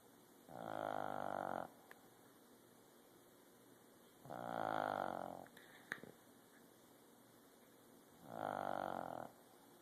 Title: Sunny the dog snoring